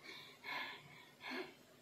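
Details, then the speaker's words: Two loud, effortful breaths in quick succession, imitating the heavy labored breathing an adult had during COVID-19, with chest pressure, worse on waking; labored breathing (dyspnea). "karena dari suara, dari hembusan nafas katanya itu memang terdengar, itu sampai terdengar suara nafas saya."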